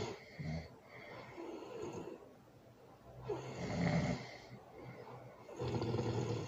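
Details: Loud snoring with a baby present: three loud, rough snores in a steady rhythm about two seconds apart, with quieter breathing between them; snoring.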